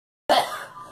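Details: A single short, sharp cough from a girl in a quiet room, encouraged to keep letting it out: cough.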